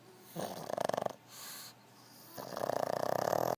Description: Pug snoring